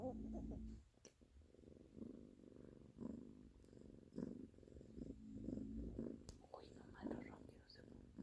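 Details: Low, rumbling, rhythmic purring and snoring from a resting cat in a quiet room; a cat and a dog snoring.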